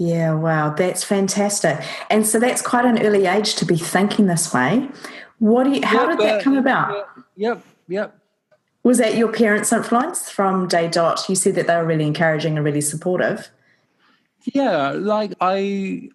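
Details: Adults in conversation; normal conversational speech.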